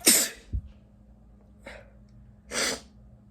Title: sneezing (M)